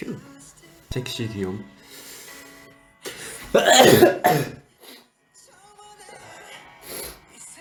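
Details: A young man gives one loud, explosive sneeze with a sharp intake before it over faint music; afterward he says it's just a common cold; sneeze.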